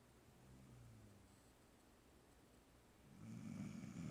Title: Snoring Dog